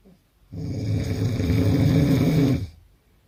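One loud, deep, fluttering snore about two seconds long, with a low rattling vibration throughout. Heavy snoring.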